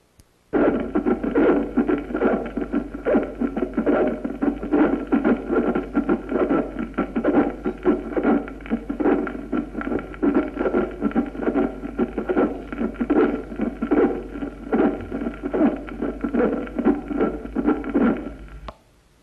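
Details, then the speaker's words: Harsh, scratchy, leathery sounds recur with each heartbeat at about 73 a minute. Pericardial friction rub in post-infarction (epistenocardic) pericarditis after an anterior-wall myocardial infarction. "lo vamos a oír en una pericarditis epistenocardica en un infarto de cara anterior escuchémoslo"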